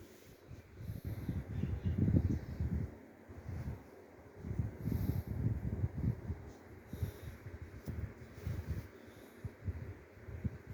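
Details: Low, irregular rumbling snores and snorting breaths during restless sleep, with a faint fan-like hum in the room; snoring.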